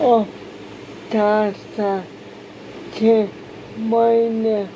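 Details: Man from Mumbai, India, speaking Hindi, with aphasia after a stroke about 4 years 6 months earlier; initially could not speak properly, slow improvement, now about 50% understood by common people; aphasia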